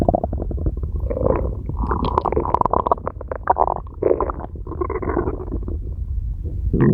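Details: Red panda at feeding time: long, low gurgling and rumbling from the belly, varying in pitch; ordinary stomach growling (borborygmi).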